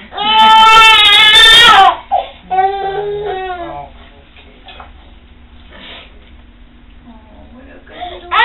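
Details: A baby boy who has never heard before gives a loud, strained cry, then shorter whimpering cries before quieting, a response to sound as his first cochlear implant is activated at a low, slowly increased level.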